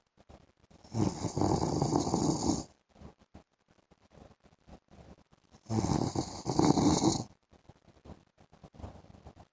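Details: Adult man snoring during an afternoon sleep: two loud, rattling snores on breathing in, with quieter breathing and small noises between them; typical snoring.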